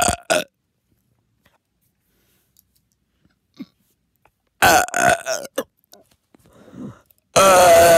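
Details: Several loud, drawn-out burps separated by silence, the longest about a second; ordinary belching.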